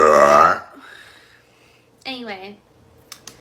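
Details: Girl burping: a loud, voiced, throaty belch lasting about half a second, then a brief spoken sound and faint clicks.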